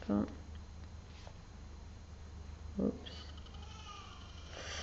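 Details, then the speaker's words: A baby in another room with its father gives two brief, high-pitched wails, heard at a distance over quiet indoor noise: infant crying. "je ne sais pas si vous entendez le bébé qui pleure mais je vous rassure il avec son père donc je ne l'abandonnent pas dans sa chambre"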